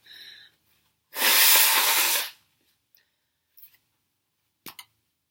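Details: Girl's sneezing fit: a sharp breath in, one loud explosive sneeze, then faint sniffs in a quiet room.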